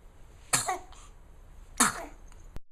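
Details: Dog during play time gives two sharp, quick nasal bursts: play sneezing.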